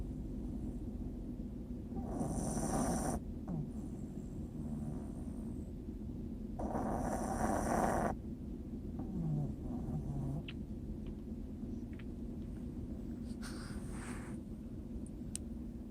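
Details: Two loud, long rasping snores about four seconds apart with quieter breathing between, over steady room hum; snoring.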